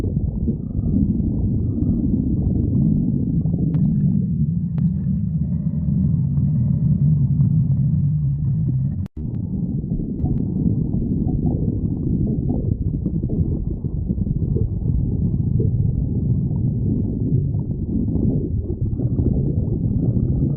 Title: stomach growling 45